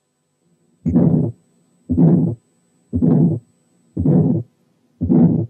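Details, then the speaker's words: Hypertension or aortic aneurysm at the aortic area: functional ejection systolic murmur with a loud, ringing second heart sound. "وفي حالات الهايبرتنشن والأنيوريزم السكند ساوند بيكون لاود وبيكون له رنة، يعني رينجينج سكند ساوند زي الحالة اللي جايه."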